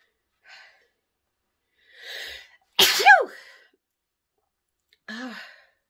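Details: A woman sniffs pepper to bring on a sneeze: quiet sniffs and breaths, then one loud explosive sneeze with a voiced cry, followed by a short voiced exhale; induced sneeze.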